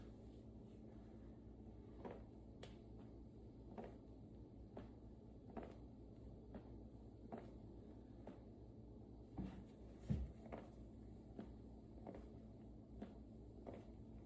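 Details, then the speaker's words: Knee of a patient 2 years after major reconstruction (ACL, LCL, full meniscus, patellar tendon, peroneal nerve surgery) bending and straightening: repeated sharp rhythmic clicks and pops over a room hum, little pain; patient suspects scar tissue; knee crepitus. "I'm sure it's just scar tissue in there. And honestly, the pain's really not that bad. But that sounds brutal."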